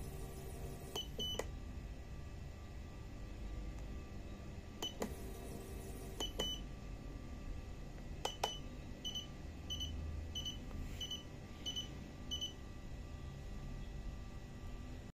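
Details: Syringe pump SP1 being operated, quiet room hum with keypad clicks and a series of short electronic beeps; syringe pump operation sounds.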